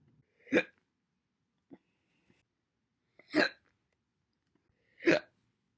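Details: Three sharp, abrupt hiccups with a voiced catch, a few seconds apart, with faint small sounds between; one of a series of single hiccups recorded January through April 2021.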